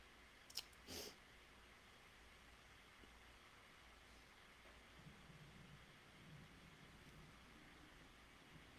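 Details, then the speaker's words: An adult's stomach growling during a live session, described as sounding like a thunderstorm: a couple of brief knocks, then faint, low rumbling gurgles. "hope you guys can hear. It sounds like my stomach is a thunderstorm."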